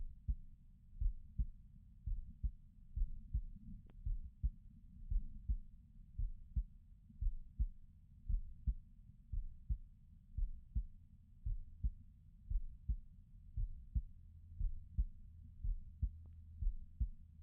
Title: This is my heartbeat sounds